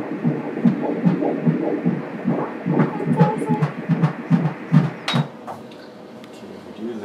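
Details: Fetal ultrasound of a baby boy, heart seen beating while the baby keeps moving: fast rhythmic whooshing pulses, roughly 145 a minute, with muffled talk; a fetal heartbeat.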